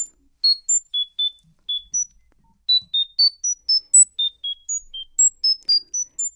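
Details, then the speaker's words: Rapid series of brief high-pitched tones at shifting pitches, one of several sequential sound-therapy stimuli for tinnitus that patients listen to for 1 hour over 4 months. "Vamos a oír algunos de los estímulos que utilizáis en la terapia."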